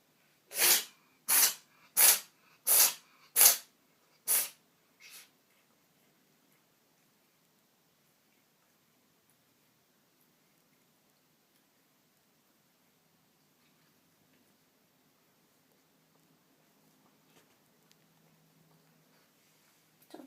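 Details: Female cat with paroxysmal sneezing: about six sneezes in quick succession, then quiet.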